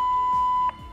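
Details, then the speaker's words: Zoll AED 3 in a simulated cardiac arrest rescue demonstration: a single steady mid-pitched electronic beep under a second around the "shock advised, press flashing shock button" prompt; AED alert beep. "a shock is advised be sure you are not touching the victim and then press the flashing shock button"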